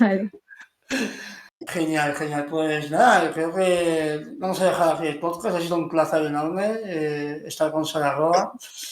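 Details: Adult male speaker; ordinary speech.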